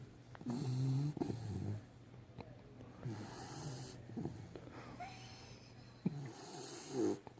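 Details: Sleeping puppy snoring: a few rumbling, fluttering snores on in-breaths with soft snuffles between, ordinary puppy snoring.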